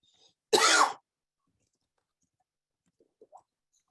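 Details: One sharp, harsh cough burst lasting about half a second, then near silence with a few faint sounds, from a panel discussion.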